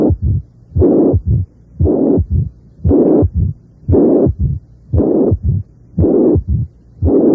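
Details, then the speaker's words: Relatively severe mitral regurgitation: a third heart sound starting a short mid-diastolic flow rumble, with no mitral stenosis present. "si la insuficiencia mitral es relativamente grave suele haber un tercer ruido cardíaco figura 6to areces debe ocultarse un retinto mes o diastólico corto que comienza con el tercer ruido cardíaco sin que exista estenosis mitral alguna figura 7 pero"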